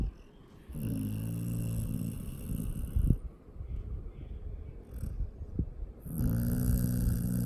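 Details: Dog asleep in owner's lap, snoring: two low, rumbling snores on breathing in, separated by quieter snuffly breathing with soft clicks.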